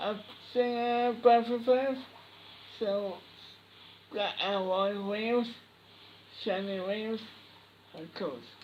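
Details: Boy with cri du chat syndrome answering a question: Cri du chat syndrome speech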